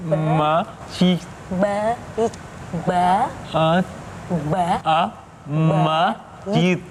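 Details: 47-year-old man, about 3 months after a left-brain ischemic stroke, trying to repeat single words on request; comprehension preserved but word expression difficult; Broca's (motor) aphasia.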